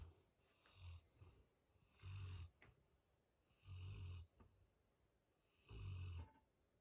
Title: Chocolate labrador retreiver. Tired Bear. Snoring in his basket.